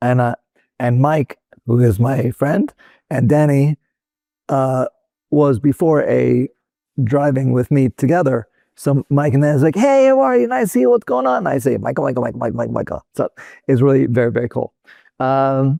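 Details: Real adult male stroke survivor with Broca's aphasia, which resulted from a stroke in 2007; Broca's aphasia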